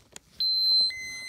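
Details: A few soft clicks, then a steady high-pitched electronic tone from an Infinity feeding pump as the set is clamped, removed and reseated after a no-flow alarm, before priming out air bubbles.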